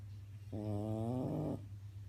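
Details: French bulldog snoring: a single long, tonal, whistling snore from a flat-faced dog over a steady low background hum.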